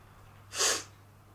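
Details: Woman sneezing: one sharp, hissing sneeze burst against a quiet room hum.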